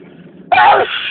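A quiet lead-in, then a single sudden loud explosive sneeze burst, one of a forceful sneezing fit.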